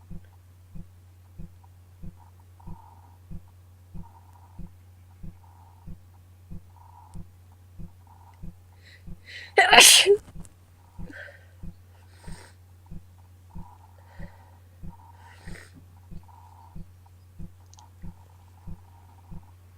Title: I have such a bad cold! Sneezing, some false starts and nose blowing